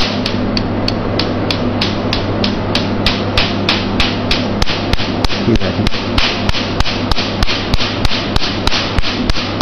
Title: How to use the yag laser tattoo removal system machine